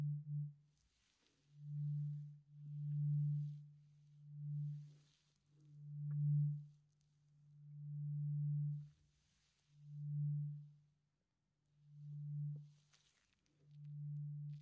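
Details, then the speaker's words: Simulated ASMR ear-exam roleplay hearing test with a tuning fork: soft, low, steady tuning-fork tones swelling and fading repeatedly. "Great. And last, tuning fork. And how do you feel about this one? Do you hear equally good with both of your ears, or is there any difference that worries you?"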